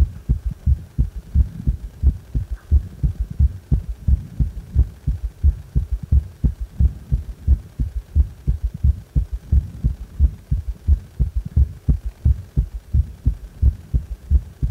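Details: Regular heartbeat at about 88 beats per minute with an extra low, dull sound after the second sound, giving a galloping rhythm: a prominent third heart sound (S3 gallop).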